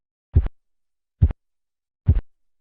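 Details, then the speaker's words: Three soft, muffled, low-pitched thumps as the blood pressure cuff deflates during manual measurement: Korotkoff phase 4, the sound muffling and dropping in pitch and intensity. "la fase 4 va acompañada del clero ensordecimiento del ruido"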